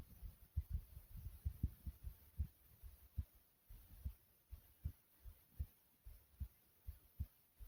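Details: Self-recorded own heartbeat over 3 minutes, thumping hard: strong, low, thumping beats in steady pairs at roughly 65 per minute, forceful but regular; heartbeat.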